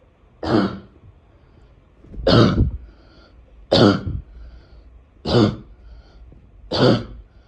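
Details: A person gives five harsh, abrupt single coughs at a steady pace, each with a rough barking quality. They ask whether their barking cough is weird.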